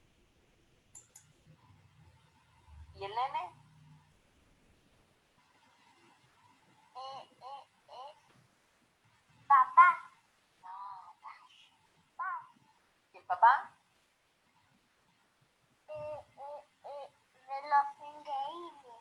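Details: Child with developmental (evolutionary) disfluencies adding interjections and sounds while searching for what to say, without force or tension; normal developmental disfluency.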